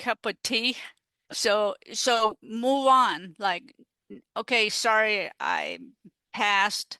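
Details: Adult female stroke survivor with aphasia caused by stroke, in recovery, who uses an app; aphasia.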